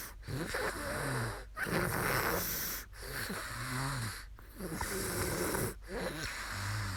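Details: Young woman snoring after falling asleep during a live stream: rhythmic rattling snores on each breath, about five cycles in seven seconds, roughly 40 a minute.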